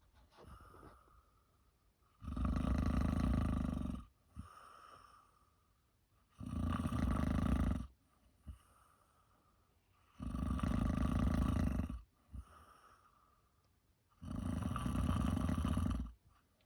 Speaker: at it again, snoring like a rocket. And it's just after 9 o'clock in the evening.